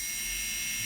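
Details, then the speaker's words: Surgical implant drill starting a hole in bone on a model, demonstrating crestal approach for maxillary sinus lift bone graft in upper molar area, without water spray; steady high-pitched whine and hiss. "이런 식으로 뼈에 구멍을 내기 시작합니다."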